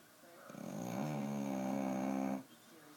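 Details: A sleeping female Staffordshire bull terrier giving one long, loud, rattling snore.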